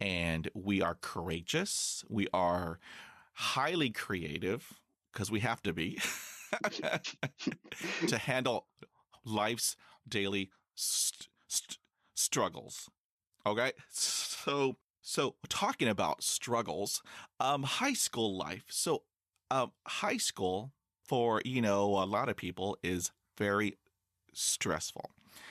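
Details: High school senior male with real stuttering that began severely at age 10, after six years of speech therapy; stuttering.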